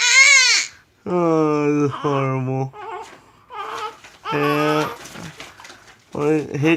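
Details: Infant girl with hiccups crying: fussy cries and whimpers in short voiced bursts with brief pauses, in a small room; infant cry.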